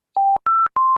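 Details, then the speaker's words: Ventilator high-priority alarm of three quick electronic beeps of differing pitch, on a patient in pressure control ventilation with low tidal volume and high respiratory rate; a high-priority alarm calling for immediate bedside troubleshooting. "so whenever you happen to be by the side of the patient on mechanical ventilation and your ventilator gives an alarm sound like this okay you can see the title volume is low"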